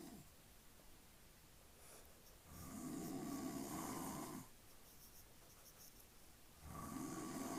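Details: Adult man (father) sleeping, snoring loudly; someone says he snores loudly and calls "Honey?"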